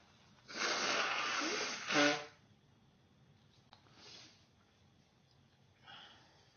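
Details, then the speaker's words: Self-recorded cough first thing in the morning, said to be bad this morning: one long harsh forced exhalation ending in a voiced cough burst, then quiet breaths; a single cough within a coughing fit. "Oh. Oh. Cough's bad this morning. Oh. Oh. This is first thing in the morning, by the way."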